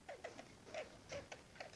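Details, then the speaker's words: Pet roof rat, female, coughing while eating a cashew nut; small nut pieces or powder seem to make her choke and cough, and a sip of milk (baby formula) helps it go down. "guess it kind of makes this little powder or something while they're eating it and yeah see now she's like coughing oh that's sad"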